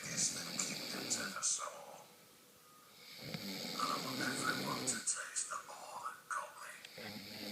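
Rough, rattling breath noises recur with each breath, interrupted by a brief quiet pause; snoring.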